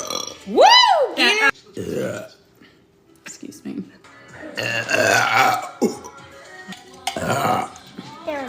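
A loud, long, rising and falling voiced belch, then talk and laughter with music: burping.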